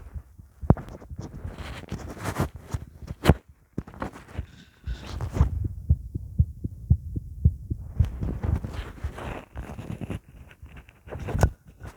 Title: My heartbeat sound